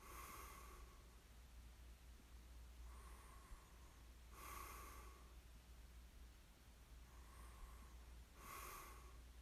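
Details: Snoring during sleep: soft, snorting snores with hissy breaths, roughly 15 breaths a minute, against a steady low room hum; light snoring.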